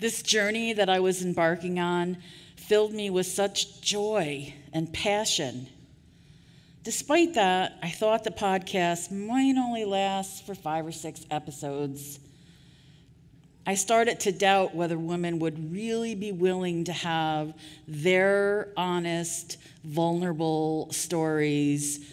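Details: Adult woman who stutters, giving a conference keynote speech; audible part-word repetitions; stuttering.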